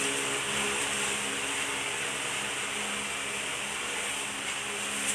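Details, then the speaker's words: Suction machine running: continuous steady motor hum with hissing airflow from a suction device set to its lowest level, during a demonstration of nasopharyngeal suctioning with the patient in semi-Fowler's position. "so now we're going to turn on the device and then we're going to set the device into the lower level into the lowest level"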